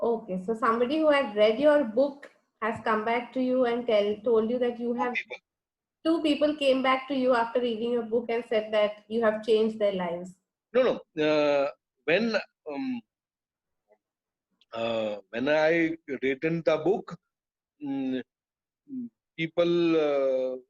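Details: Adult man with non-fluent aphasia after a haemorrhagic (burst) stroke that hit his speech centre; he was told he would never speak again; he relearned speech through years of speech therapy, and aphasia persists.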